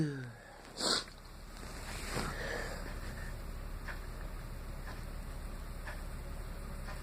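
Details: Person congested, deliberately inducing sneezes to clear it: one short, sharp burst of a sneeze or forceful sniff, then quiet room noise; sneeze.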